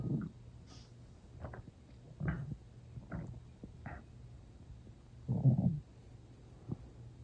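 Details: Loud stomach growling without strong hunger and not long after eating, with water drunk toward the end: low gurgling rumbles and squelches in short bursts. Borborygmi.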